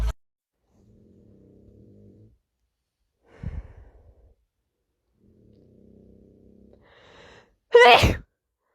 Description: Short compilation of rapid sneezes